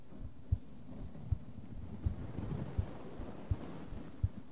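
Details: ASMR heart sound recording, with brushing and tapping played in the other ear: soft, regular low thumps at about 82 per minute under a steady hiss; normal heartbeat.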